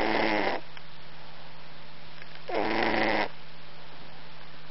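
Two raspy, buzzing snores about two and a half seconds apart over a steady low hum: a cat snoring.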